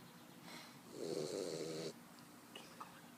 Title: Boxer puppy snoring like an old man